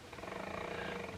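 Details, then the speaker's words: Pugs sleeping in a bed nearby give continuous rough, rumbling snores, heard as a low background drone. Snoring. "I've totally forgot to mention, I know I've spoken about the pugs, but I've totally forgot to mention their snores. They are in the bed over there just snoring away."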